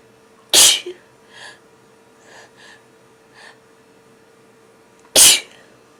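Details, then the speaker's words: Acted role-play of trying to hold back sneezes while hiding in a closet, nose tickling: two sharp, explosive sneezes about five seconds apart with faint breathy sounds between in a quiet room. "Oh, they're too strong to hold back. It tickles so much. I'm going to sneeze again."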